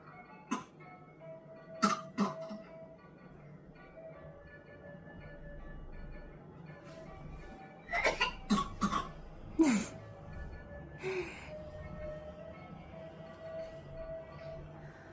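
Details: Baby at 209 days gives several short, dry, deliberate coughs in clusters over music when mom steps away, stopping when she approaches or picks him up; voluntary fake cough.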